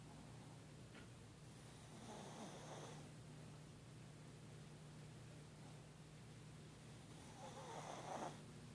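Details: Two slow, rasping snores about five seconds apart over steady room hum; quiet snoring.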